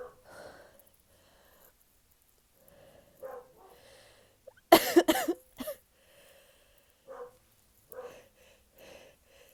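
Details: Person's deliberately induced sneezes: quiet breathing, then a sudden burst of two or three sharp sneezes followed by a short snort; sneezing.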